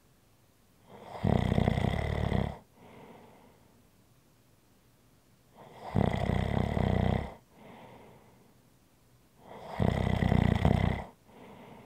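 Three loud, rough inhaled snores, each followed by a soft exhale, about every four and a half seconds, roughly 13 breaths a minute.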